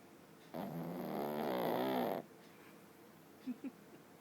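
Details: Sleeping dog snoring: one long, rattling snore lasting under two seconds, followed by soft breathing noises.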